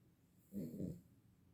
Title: SLEEPY PUPPY.. she snores. haha #beaglepuppy